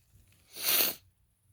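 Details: Big sneeze from a male who just got over one cold, feels he may be coming down with another and has felt tickly all day: one forceful, hissing sneeze burst about half a second long.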